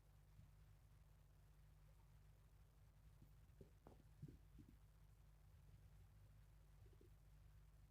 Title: Stomach growling sounds #1